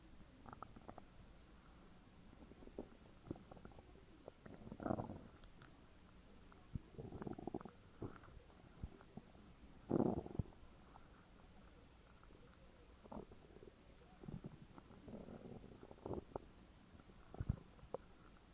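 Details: Very loud stomach growls recorded from a friend's belly: gurgling, rumbling bursts and squeaks come and go in a quiet room; borborygmi, normal bowel sounds.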